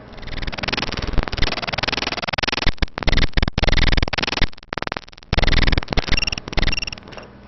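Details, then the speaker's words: Harsh, scratchy, leathery, velcro-like bursts in rough rhythm: friction rub, pleural or pericardial, from inflamed surfaces rubbing together, in a cardiology physical findings teaching recording. "now oh it's a friction rub friction rub a friction rub a pleural friction rub and pericardial friction rubs those are two kinds of friction rubs we have they're leathery velcroy sounding"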